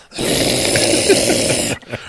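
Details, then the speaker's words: Boxer dog with sleep apnea, asleep beside owner: loud rough rattling snore on one long breath, then quiet. "No, I've got a boxer with fucking sleep apnea that insists on being 3 inches away from me at all times."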